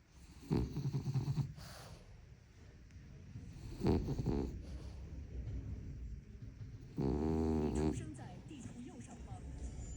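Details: Female French bulldog asleep: three rough, rattling, snorting snores a few seconds apart over some room noise; snoring.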